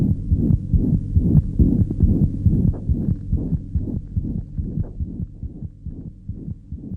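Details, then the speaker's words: Holosystolic murmur: continuous whooshing murmur filling each systole over a rapid, regular heartbeat of about 140 per minute. "murmurs can be diastolic or systolic can you hear this hollow systolic murmur"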